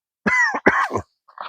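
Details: Two voiced cough bursts in quick succession from an adult with allergies and stuffiness while gardening outdoors; ordinary cough.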